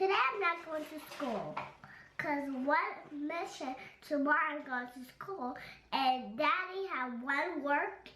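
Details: Child; unaffected speaker.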